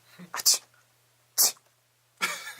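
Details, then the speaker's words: Deliberately faked sneezes in a comedy skit (actor says he has never fake sneezed before): three sharp, hissy bursts in quick succession over a low steady room hum. "Bro, I can't I've never fake sneezed before."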